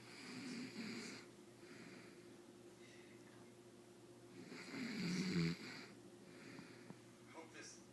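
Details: Two soft, rumbling snores a few seconds apart over a steady room hum from a sleeping dog; snoring.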